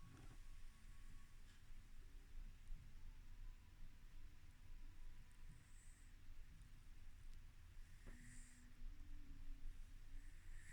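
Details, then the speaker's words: Quiet, low rumbling breaths with soft airy swells every couple of seconds from Odin, a cat napping on a bed: gentle snoring. "i'm gonna get a close-up i think we can hear odin snoring"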